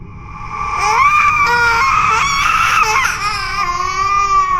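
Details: Designed horror sound effect, not a real infant: wailing high-pitched ghost-baby crying with rising and falling tone, built from layered ambience, reversed textures, distortion and cinematic processing; simulated infant cry.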